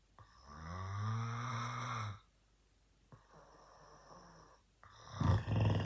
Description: I recorded my dad while he was asleep and he was snoring kinda loud!😂😂😂